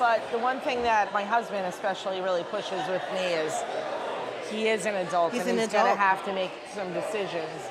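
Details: Adult woman speaking; normal speech.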